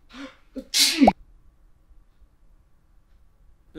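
A breathy in-breath builds into one loud, explosive sneeze, then quiet; an acted sneeze from a short film.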